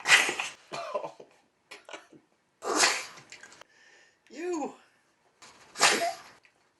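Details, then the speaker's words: Pug Maggie sneezing repeatedly into her owner's face, with sharp explosive nasal bursts, eight sneezes in five minutes of filming; the owner cries out between them. "Time filming, 5 minutes. Sneezed on 8 times. A pug's love, worth its weight in Maggie mucus."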